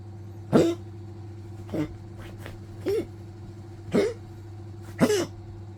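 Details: Old Poodle coughing constantly, also scratching the bed and resting when tired: five short, harsh coughs about a second apart over a steady hum.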